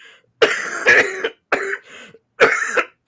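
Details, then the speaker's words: Three short, harsh, dry-sounding coughs in quick succession, each followed by a brief catch of breath, heard during a live-stream chat; cough. "man everyone's coughing tonight"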